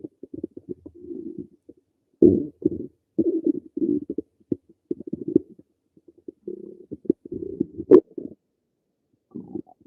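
Repeated low gurgles and rumbling bursts with short pauses; ordinary stomach rumbling from gas and fluid moving through the gut.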